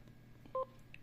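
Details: A single short electronic beep from a keypress on a vascular Doppler, over faint room hum.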